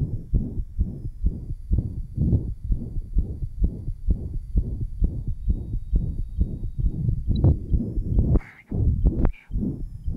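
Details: 1955 Johns Hopkins heart sound laboratory recording, likely at the lower left sternal border: rapid regular heartbeat near 130 a minute with a rough murmur filling each cycle, from an interventricular septal defect, possible persistent ductus arteriosus.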